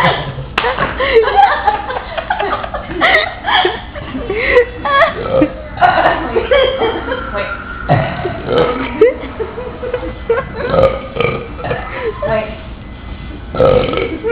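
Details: Two adults competing at deliberate loud trucker-style burps after a night out: long, rumbling belches one after another, with laughter and talk; one remarks some are fake.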